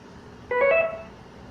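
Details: Sound-effect recording of an infusion pump (IV fluid controller) alert tone: a brief electronic chime of a few rising tones.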